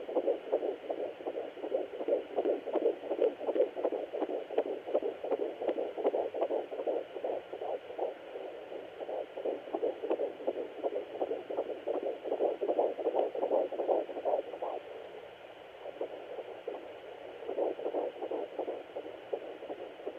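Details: Fetal heartbeat at 13 weeks 1 day on a Sonoline B handheld fetal Doppler: rapid, regular whooshing pulses at about 160 a minute, sounding perfect.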